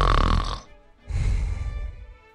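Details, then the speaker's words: Imitated snoring performed by a man diagnosed with obstructive sleep apnea, illustrating snoring as airway obstruction; not a real sleeping recording. "Everyone knows the first form: snoring, an obstruction of the airways."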